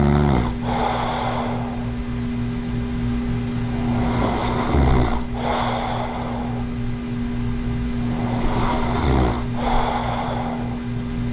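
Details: Adult with sleep apnea recorded while sleeping, possibly with an anti-snoring mouthpiece; rough snoring breaths with snorty catches, about 16 a minute, over a steady background hum: snoring.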